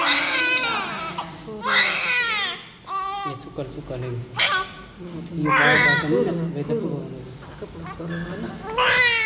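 Repeated loud, high-pitched wailing cries in bursts with gasping breaths between, from a newborn; a vigorous normal newborn cry. Some adult voices in the background.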